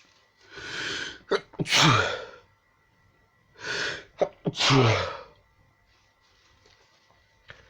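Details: Constant, non-stop repeated sneezing: two forceful sneezes in quick succession, each preceded by a drawn-in breath.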